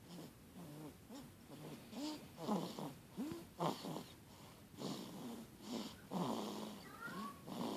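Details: Baby snoring in sleep: soft, irregular snuffly snoring with small squeaky sounds on breathing.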